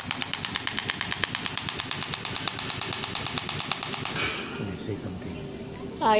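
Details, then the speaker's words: Rapid, steady sharp clicking pulses, about three a second, stopping after four seconds, from an SW12 extracorporeal shockwave therapy machine treating a male client's problem thighs and toes (unclear in speech) for pain relief. "we have machines like shop with therapy SW 12 this is serene my customer he is here to do some shock wave on problematic ties and toes"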